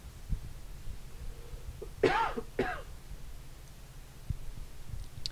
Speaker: coughing so if you hear that I apologize I doubt that's why you clicked on this video to hear me coughing